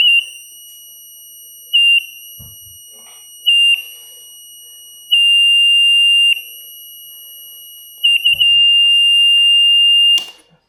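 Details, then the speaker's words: Power-failure alarm of a Philips Respironics EverFlow 5 L oxygen concentrator: it keeps beeping loudly after being unplugged for a while, even when switched on. "Esto, mirad lo que os decía, esto lleva un rato desconectado y ahora si lo enciendo sigue pitando. O sea, es muy molesto, muy muy molesto."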